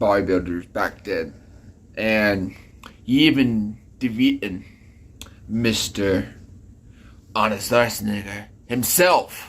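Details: Speech impediment (disfluent speech) in a man, present since childhood, type unspecified.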